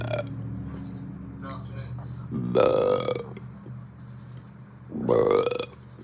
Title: More Hiccup Burps